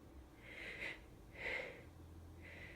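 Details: Three quick, breathy, hissing sneezes about half a second apart from a person whose allergies are flaring, nose itchy, feeling a sneeze stuck; rapid allergic sneezing.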